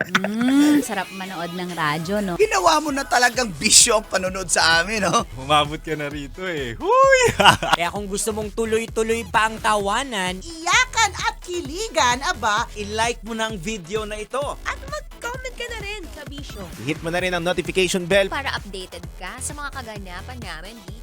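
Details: Adult radio announcer; typical speech.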